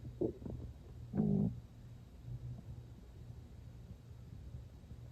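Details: Stomach growling when not very hungry and having eaten not long before, with water drunk near the end: brief gurgling rumbles, one louder growl near the start; ordinary borborygmi from gas and fluid moving through the gut.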